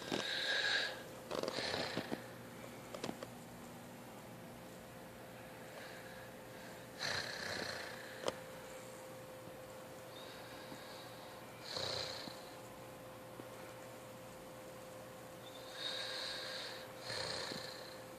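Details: Little brother snoring: soft, snorting breaths on breathing in, about four over eighteen seconds, with a steady hum in the room; light snoring.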